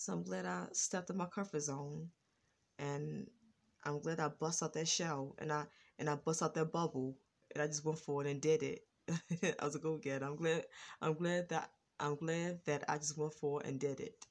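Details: Adult woman with a lifelong stutter, now more controlled and improved, worse when excited; stuttering.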